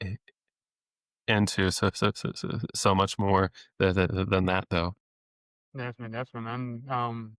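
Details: Adult male speech-language pathologist who has stuttered since age eight, had off-and-on speech therapy into his early twenties, and deliberately lets his stutter show; stuttering with repetitions of sounds, words and phrases.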